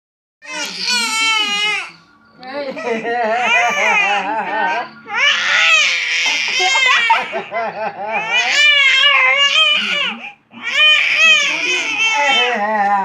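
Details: Baby crying in a tantrum after being teased by grandmother and another person, crying to the point of coughing: loud, sustained wails with brief gasps between them and faint background sound.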